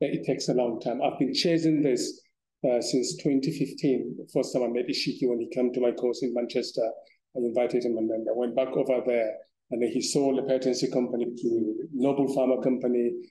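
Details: Adult man; plain speech.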